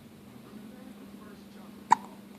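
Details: Baby boy with hiccups being talked to by his mother: a single sharp infant hiccup after a quiet pause with soft room noise; hiccups.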